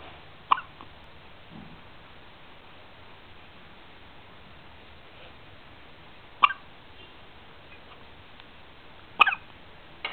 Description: my 12 day old nephew during a fit of hiccups.